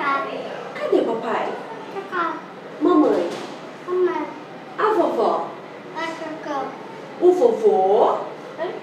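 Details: About three-year-old boy with severe bilateral sensorineural hearing loss found after failed newborn screening, wearing two hearing aids with weekly speech therapy; mostly single words, no long sentences; speech and language delay with hearing loss.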